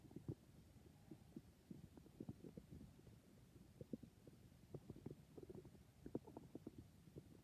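Quiet, irregular low gurgles and squeaks from the belly over a steady hush: stomach growling, ordinary bowel sounds.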